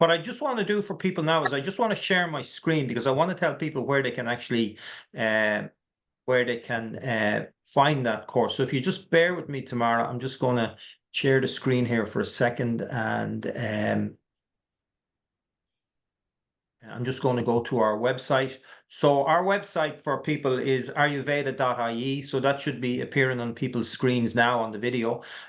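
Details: Adult male speaker; normal speech.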